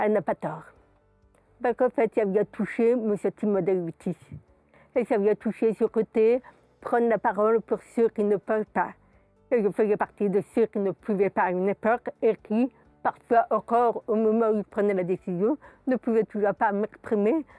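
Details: Adult woman, profoundly deaf since birth, who has never heard her own voice; her speech results from twenty years of speech therapy three times a week; deaf speech.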